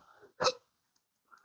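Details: Intractable hiccups in a patient in their 60s (turning 65), ongoing since 2015 after colorectal hemorrhoid surgery, worsening, at least 12 hours a day: one sharp, abrupt hiccup in a quiet pause during a long bout.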